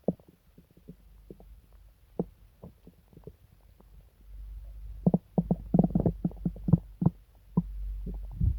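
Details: Loud bowel rumbling (borborygmi) during an upset stomach with several days of pain, diarrhea and nausea: irregular low gurgles, pops and drawn-out deep growls that grow busier midway.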